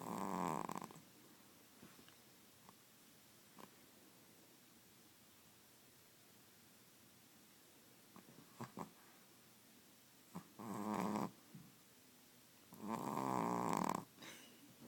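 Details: A 16-week-old puppy snoring while asleep: soft, fluttering snores in short bursts between quiet pauses, with faint room noise.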